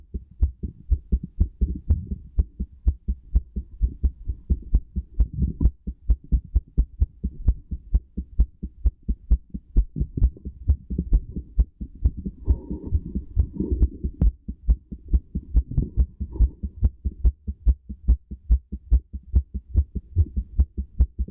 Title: Pleasured heartbeat with stethoscope